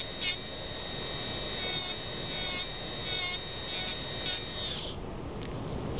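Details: High steady whine of a dental drill trimming an interim restoration on tooth 21 down to the finishing line with the side of the bur, avoiding the contact area, stopping near the end, in a dental student demonstration.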